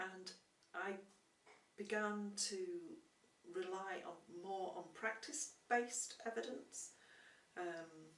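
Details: Adult woman who stammers and is a former speech and language therapy client; stammering.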